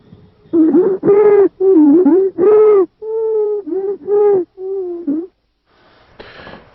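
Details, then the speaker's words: Stridor: a rapid run of loud, harsh, crowing tonal breath sounds, like being strangled. "It's stridor. Stridor sounds like you're being suffocated to death. That's what stridor sounds like."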